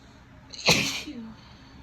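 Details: Woman with a tickly, sneezy nose from cold weather: a single explosive sneeze with a brief breath in before and a short voiced tail after; sneeze.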